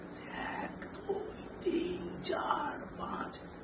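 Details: Acted: an ENT surgeon imitates a 32-year-old man's voice counting one to ten; the man had six months of complete hoarseness from a large right vocal-cord haemorrhagic polyp causing a phonatory gap; finding: severe hoarseness (near-aphonic voice).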